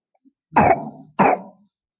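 Two short, voiced coughs from a young child, given on request.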